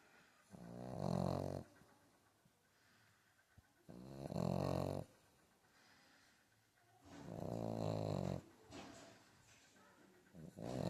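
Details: Three drawn-out, buzzing snores with quiet pauses between, from a sleeping pug puppy; noisy breathing typical of a flat-faced breed during sleep.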